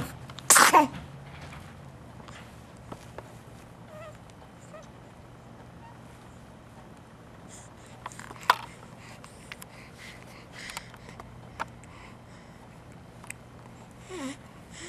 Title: 2 minutes of happy/alert, with sneezes